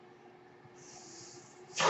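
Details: Speaker's own ventilator heard while recording a podcast: over a low room hum, a soft airy hiss rises and holds, ending in a louder whoosh; one mechanical ventilator breath cycle.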